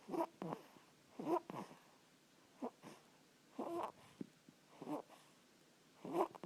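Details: Cat named Naomi snoring while asleep: soft, irregular snorting breath sounds, about 25 a minute.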